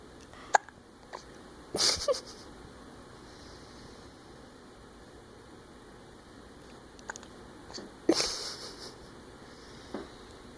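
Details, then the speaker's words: Hiccups while trying to sleep, smiling between them: brief, abrupt catches with small gasping sounds at irregular intervals in a quiet room. "Do you have the hiccups? There's a smile. Are they gone? No. It's hard to sleep when you have the hiccups, isn't it?"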